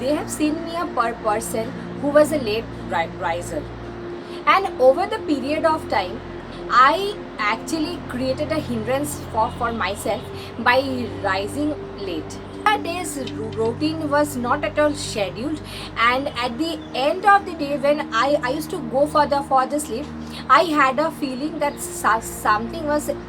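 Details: Woman who presents herself as a stammering vlogger, speaking in real life; stuttering.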